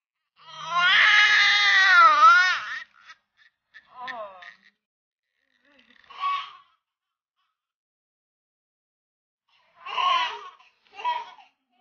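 A strong, high-pitched wailing cry lasting about two seconds, then several shorter, softer cries with pauses between them. A vigorous newborn cry.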